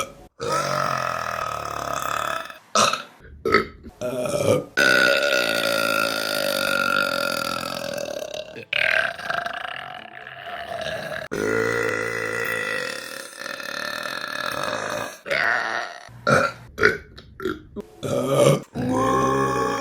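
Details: Woman belching, from a compilation of women burping: a run of long, loud, drawn-out belches with short gaps between them; repeated burping.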